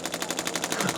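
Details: Radial shockwave therapy on the lateral leg of an adult chiropractor who has recently increased his running: fast, even rattling pulses like a small machine gun, about fifteen a second; total session just under 9 minutes.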